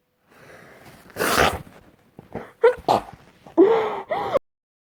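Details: Dust-triggered sneezing: a short run of sharp, explosive bursts with quick breaths in between.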